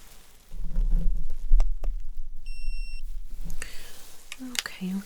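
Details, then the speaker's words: Fictional ASMR ER roleplay, neurological assessment after fainting: handling noise, then a single steady electronic beep as an ear thermometer finishes a temperature reading. "Now, I'm going to check your temperature, my love. All right. I'm going to pop it on your forehead. Okay. Now, can I pop it in your ears?"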